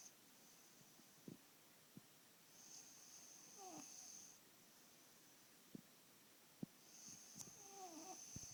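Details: A son's snoring keeping his father awake: quiet, hissing, slightly whistling breath noises recurring every few seconds in a quiet room, light snoring.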